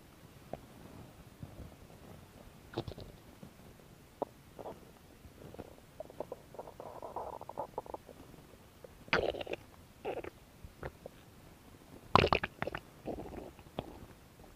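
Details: Irregular gurgles and short bubbling rumbles from the belly over a quiet background; ordinary stomach growling, normal bowel sounds, recorded as ASMR belly noises.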